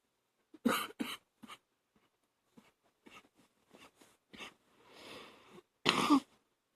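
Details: Coughing at night, phlegm causing gagging; several harsh cough bursts with quieter throat-clearing and a gagging breath; productive (wet) cough.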